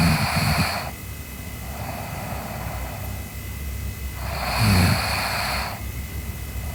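Slow, noisy breaths with rough low rattling on each breath, about 15 a minute, over steady room hum; snoring.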